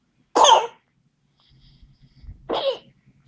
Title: whooping cough in 7 week old baby